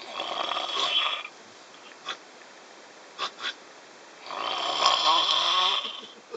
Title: Snoring on the Russian Train 2011 - Sleeping on the Trans-Siberian-Train